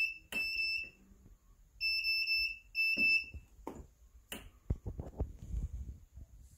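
Repeated groups of high-pitched electronic beeps from a transport ventilator alarm, followed by clicks and handling noise.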